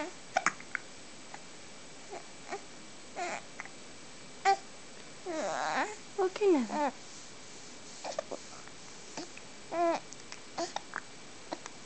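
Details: Infant with hiccups: repeated short sharp hiccups roughly every second or two, mixed with brief fussing and whimpering in a quiet room.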